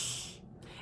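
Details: Lateral lisp (lateralized /s/) demonstrated by a speech-language pathologist; air escapes over the sides of the tongue rather than down the centre.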